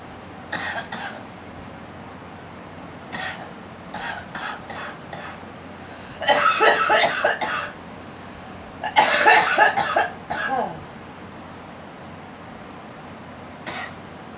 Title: Girl coughing